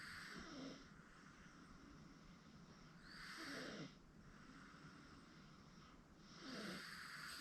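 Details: 8-month-old girl asleep on a futon; soft, faintly whistling snores on each breath, about 19 a minute, over steady room hiss. Light snoring.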